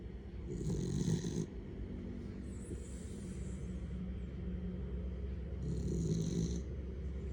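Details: Sleeping cat: low rumbling snoring with a faint high whistle on some breaths over steady background hum; snoring.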